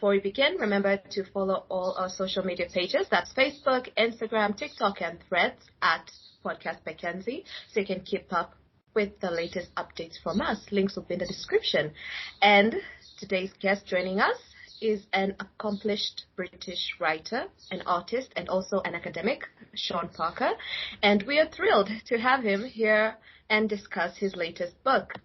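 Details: Adult woman speaking; Fluent speech.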